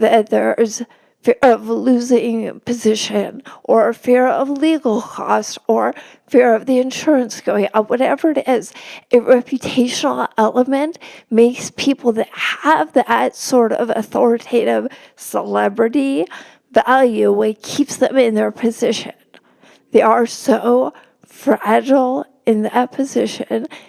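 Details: Real spasmodic dysphonia in a woman, a religion reporter speaking in a podcast interview; no type, onset or treatment stated; spasmodic dysphonia.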